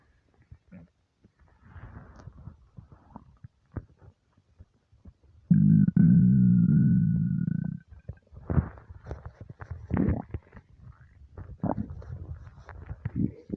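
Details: Starving, empty stomach: low gurgling rumbles with a long sustained growl midway; hunger-related bowel sounds (borborygmi).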